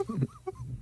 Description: The way hiccups is mind blowing!